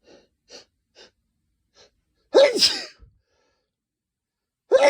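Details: Male, deliberately induced sneeze with nose sensitive from cold weather; a few soft sniffs and catching breaths build to one loud explosive sneeze, start of a second at the end: sneezing.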